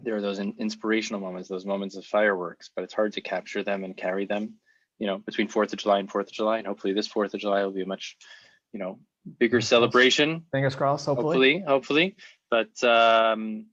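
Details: Adult male speaker; typical speech.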